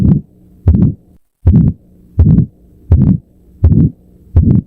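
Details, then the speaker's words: Harsh crescendo-decrescendo systolic murmur radiating to the carotids, regular rhythm about 83/min: aortic stenosis murmur, quiz example. "And the correct answer is aortic stenosis. This is the ultimate corateed radiating murmur."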